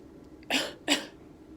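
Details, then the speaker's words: Two short, forceful voluntary coughs after a deep breath, demonstrated with a pillow held firmly over the abdominal incision; splinted coughing exercise after abdominal surgery to prevent pneumonia. "so you would put a pillow on your stomach wherever your incision is and kind of hold it firmly and then what you're going to do is you're going to breathe in deep just like you did for your breathing exercise and cough twice"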